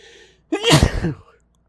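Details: A single forceful sneeze, stronger than intended: a quick inward catch of breath, then a loud explosive burst in a quiet room.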